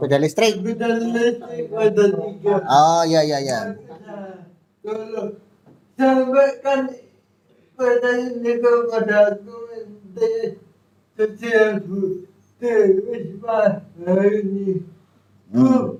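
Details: Adult with cerebral palsy, real speech: dysarthric speech (cerebral palsy).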